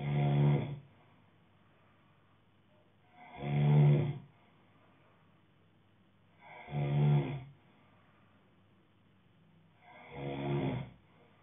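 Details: Man snoring in sleep: four loud, deep, rattling snores on the in-breath, about 18 a minute, with quiet pauses between.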